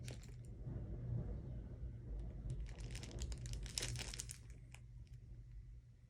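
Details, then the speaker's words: Ileostomy bag change by a woman with an ileostomy: crinkling and snipping of thin plastic as scissors cut an oval opening of about 1 by 7/8 inch in the pouch using a template, with low room hum. "There is a template on here and I just try to cut it about the same every time and try not to cut a hole through my back."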